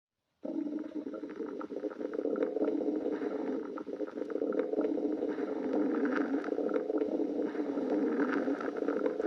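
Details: Stomach growling: low, continuous rumbling and gurgling with irregular swells, typical of ordinary bowel sounds from an empty stomach.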